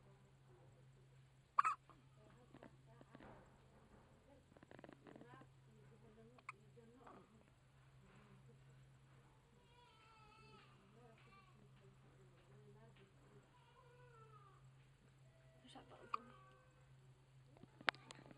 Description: My sisters new baby with hiccups